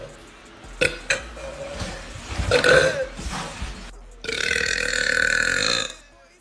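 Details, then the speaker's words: Deliberate burping by a woman after drinking soda, which she says burns and gives brain freeze: short vocal sounds, then one long, loud, rumbling belch lasting nearly two seconds. "I don't recommend doing this brain freeze ah and I don't drink soda so it burns oh that was a good one"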